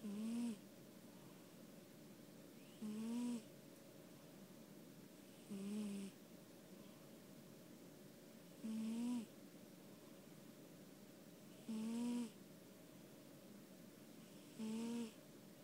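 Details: Pet cat sleeping on owner's lap: short, regular buzzing snoring breaths about every three seconds, roughly 21 a minute, over a steady hum of room noise; snoring.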